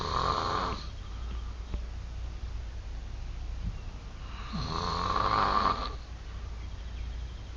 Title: THIS MAN CAN SNORE